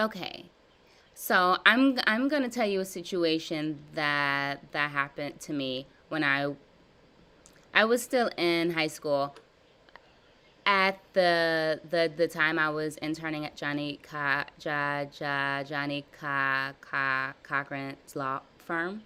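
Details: Adult woman with severe blocks since childhood, in a live stuttering therapy session practicing voluntary stuttering, prolongations and cancellations; word repetitions and revisions; stuttering.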